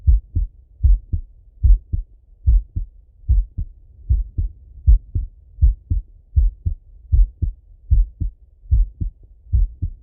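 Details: Male heart auscultated with a stethoscope, recorded either sitting at a desk or lying in bed: regular paired lub-dub at about 75 beats a minute with no added sounds; normal heart sounds.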